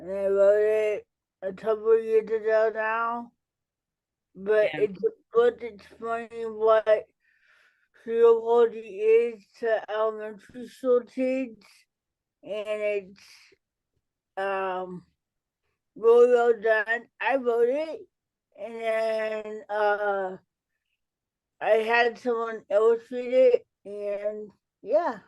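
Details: Adult woman, an educator and author with cerebral palsy, speaking in a real interview: dysarthria due to cerebral palsy.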